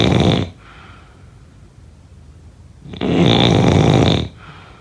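Loud, harsh rattling snores on inhalation, each followed by a softer airy exhale, recorded close up.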